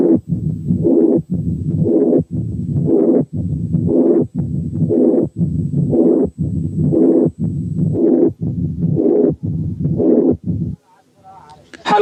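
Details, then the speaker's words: Combined mitral stenosis and mitral incompetence at the mitral area with the stethoscope bell: pansystolic murmur plus mid-diastolic murmur, near-continuous rumbling filling each beat. "9 كانت حالة combined mitral stenosis وmitral incompetence فيها pansystolic murmur وميد diastolic murmur."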